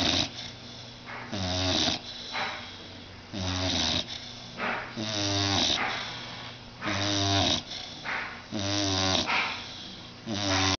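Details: Blue nose pit bull, about 6 months old, sound asleep on a sofa just after a bath: rattling, snorting breaths in both directions, about 17 breath cycles a minute; snoring.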